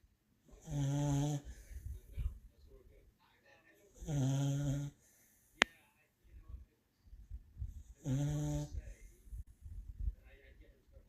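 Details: A black and white dog sleeping soundly in a blow-up collar worn for medical reasons, with low rumbling snores on in-breaths, about 17 a minute, and quiet snuffling between: snoring caused by the collar.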